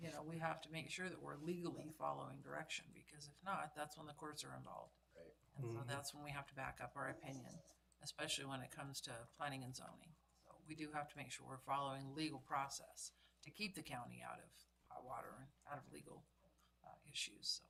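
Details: Adult male speaker; ordinary speech.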